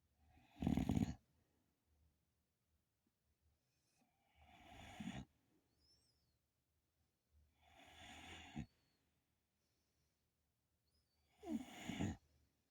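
Four loud, rough breath noises about four seconds apart, roughly 15 a minute, with quiet pauses between: snoring.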